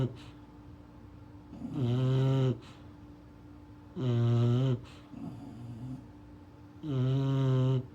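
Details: Sleeping English bulldog puppy snoring: three loud, low rattling snores on inhalation, about one every three seconds, with quiet breathing between.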